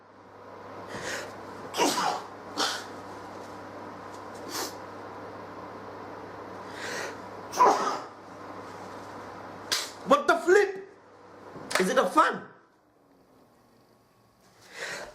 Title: FUNNY SNEEZE